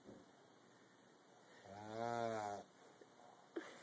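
A single voiced, rattling snore lasting about one second against quiet room noise, with a soft click afterward.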